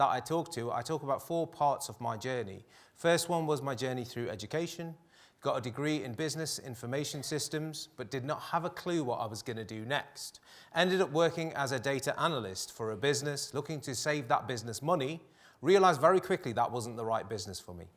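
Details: Adult male speaker; normal speech.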